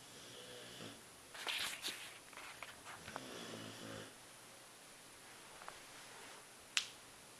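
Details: Light snoring: soft, rough, wheezy snore on one or two breaths in a quiet room, then a sharp click.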